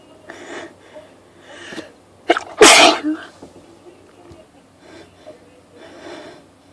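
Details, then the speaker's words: Person sniffly all day with a persistent urge to sneeze, set off by one spritz of perfume: one loud, explosive sneeze with softer breathy sounds before and after, within an 18-sneeze fit; sneezing. "I'm sneezing like crazy today. False start. I hate when you think you're gonna sneeze and then you don't. I'm just sneezing."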